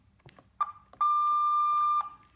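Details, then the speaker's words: CareFusion Alaris GW infusion pump during infusion, in a veterinary anaesthesia equipment review: two short beeps and a steady one-second tone as two buttons are pressed to lock the keypad against accidental setting changes. "while the pump is infusing if we don't want to change accidentally uh our infusion settings we can press these two"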